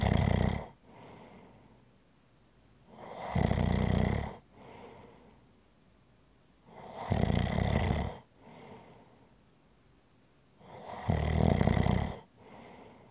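Loud, deep rattling snores on each breath in, each followed by a softer breath out, about sixteen breaths a minute.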